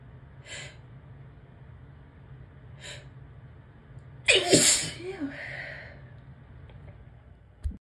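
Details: Tickly sneeze: two soft breathy build-up inhalations, then one forceful sneeze followed by a brief trailing breath.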